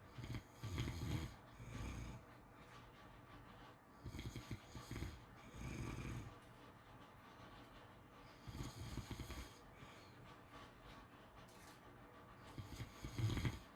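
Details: Snoring during sleep: soft, low snoring with snorting breaths repeating irregularly in a quiet room, roughly 14 breaths a minute.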